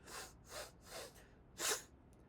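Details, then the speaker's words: An adult deliberately fakes a sneeze through the more open nostril to "reboot the nasal cycle" for congestion and allergies: three sharp nasal exhalations, then a louder forced single-nostril burst. A simulated sneeze. "Let's reboot your nasal cycle right now with a fake sneeze. First of all, I'm going to see which side's more open."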